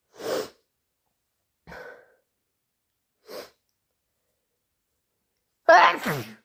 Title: Harsh, loud and wet induced sneezes plus thick sniffles and blows